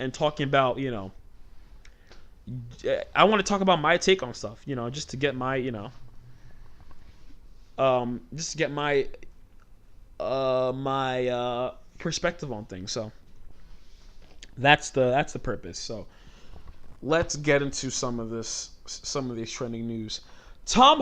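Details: Adult male host with stuttering since childhood; it shows when he talks fast or gets passionate, and he tries to keep it under control by talking slowly.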